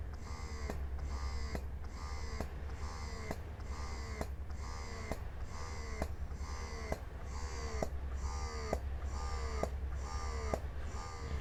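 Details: Mom Uung portable electric breast pump in massage mode, stepped through levels 1 to 9: rhythmic cycles about 67 a minute, each a soft motor whir with a click, over a steady low hum.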